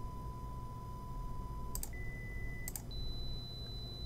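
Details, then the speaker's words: Pure-tone hearing test taken by a person worried about hearing damage, one ear seeming to hear better than the other: steady pure beeping tones stepping up in pitch, separated by mouse clicks, over a low hum. "pure tone test all right now this is the one that i think is really going to tell if i have hearing damage also judging from the fact that this ear seems to hear better than this one that's also bad click yes when you hear the tone"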